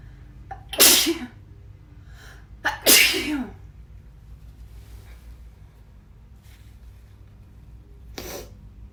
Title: Girl sneezing